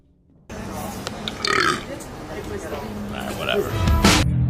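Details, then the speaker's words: Adult male singer burping during an interview in a compilation; says he burps so often it's kind of a problem. A loud, low, drawn-out belch over background music and talk. "embarrassing thing I burp so often it's kind of a problem"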